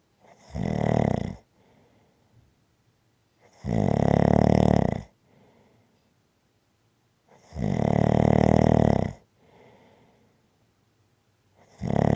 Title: Snoring Sounds to Relax to after a hard day.